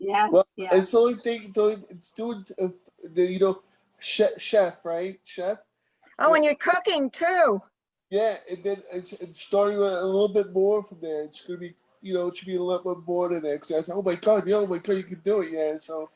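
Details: Aphasia in a male stroke survivor about 15 years after his stroke, with ongoing communication difficulty and inability to write.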